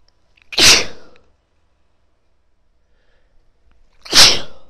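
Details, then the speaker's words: A female gives two loud, forceful sneezes about 3.5 seconds apart, each preceded by a short breath in, in a quiet room. She describes them as big. "Bless me. That was big."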